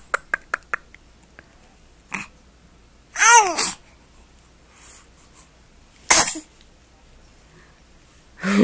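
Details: Small clicks, then a drawn-out voiced yawn and a sharp, high-pitched sneeze from a young girl; yawn and sneeze.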